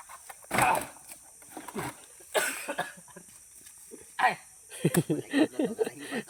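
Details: About four harsh, breathy cough bursts about a second apart after lifting a big fruit, followed by laughter and chatter outdoors in a noisy setting; coughing after exertion.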